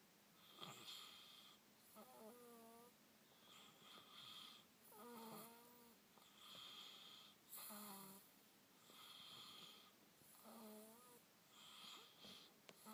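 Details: Snoring: slow, rhythmic snoring at about 22 breaths a minute, raspy, with whistling, squeaky tones on several breaths.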